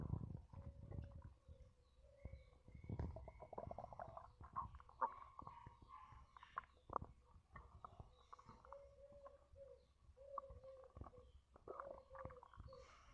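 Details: Soft gurgling, squeaky bubbling stomach sounds and burps while chugging Coca-Cola; ordinary bowel sounds after a fizzy drink.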